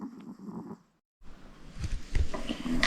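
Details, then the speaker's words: The owner's female dog snores while sleeping on the owner's lap, heard during a shopping haul recording. Snoring. "Et celui dans les roses, c'est ma chienne, vous entendez ronfler sur mes genoux."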